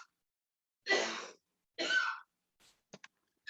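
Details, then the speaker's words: An adult man who has been sick coughs in the background of a recording. "apologize if you can hear my husband coughing. He's been sick as well."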